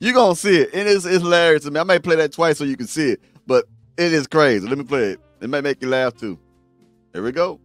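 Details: Adult male speaker; normal speech.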